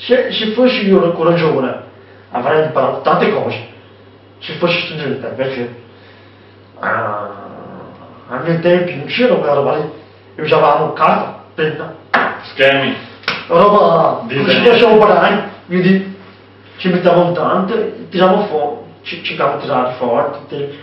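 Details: Young man with hearing loss (deafness), speaking Italian; deaf speech.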